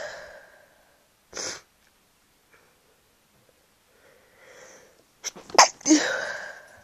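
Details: A person sick with a cold, whose sneezes sound different when ill: breathy inhalations and a sniff, then a run of two to three forceful sneezes; sneezing.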